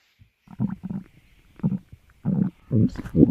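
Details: Sleeping cat's stomach growling: low, irregular gurgling rumbles in several short bursts (borborygmi).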